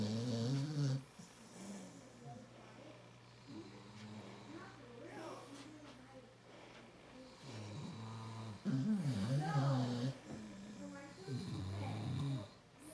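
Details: Sleeping American Bulldog and its owner snoring together: low, rumbling snores mixed with groaning, vibrating breath sounds, overlapping and uneven in a small room.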